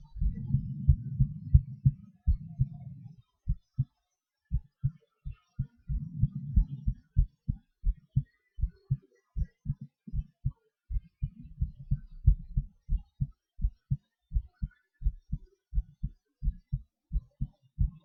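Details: Own heartbeat recorded during breath-holds and panting (hyperventilation): low heartbeat thumps whose pace speeds up and slows down, with bursts of breathing rumble; heart rate changes with breathing manoeuvres.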